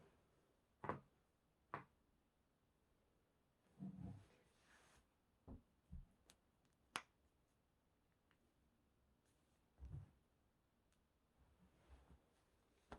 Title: Full body cracking (back, knuckles, neck, toes)